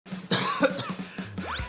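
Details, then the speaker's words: Acted, simulated cough in an asthma awareness promo: an adult gives harsh coughing bursts in a rapid run over background music, attributed to weather change, with possible adult asthma raised. "你咳到扯蝦咁，冇事啊嘛？冇嘢啩？我呢排轉天氣，所以先咁樣。"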